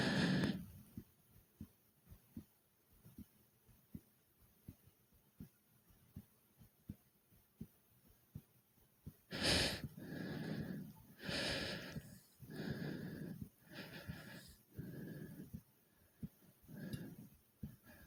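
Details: Heavy breathing and fast heartbeat after doing many jumping jacks; a fast, regular heartbeat, then loud, deep, rapid breaths, a normal response to hard exercise.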